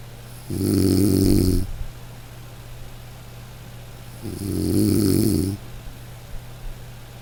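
Loud rattling snores on each in-breath, two in about seven seconds, with quiet pauses between; ordinary snoring.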